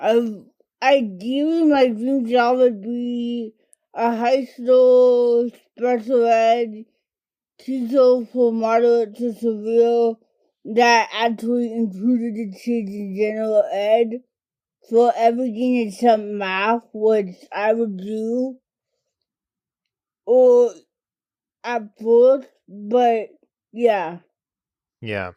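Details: Adult woman diagnosed with cerebral palsy as a toddler, affecting mainly her speech and fine motor skills; dysarthria (cerebral palsy).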